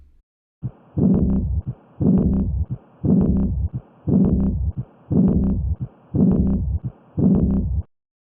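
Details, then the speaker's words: Aortic regurgitation murmur in a teaching demonstration: regular heartbeat near 58 a minute, each beat followed by a long rushing diastolic murmur from blood leaking back through an incompletely closing aortic valve. "incomplete closure of the aortic valve allows blood to regurgitate back into the ventricle this turbulent blood flow causes our diastolic murmur"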